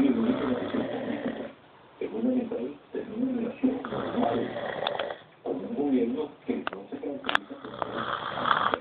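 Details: Father snoring heavily: loud, rough, rattling breathing noise repeating in cycles of about one to two seconds with brief pauses.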